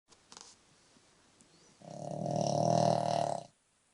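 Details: Loud snoring, likened to a dump truck, from a 7-year-old brindle Boston Terrier while asleep.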